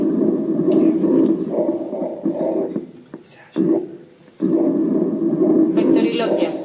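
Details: Egophony heard on auscultation.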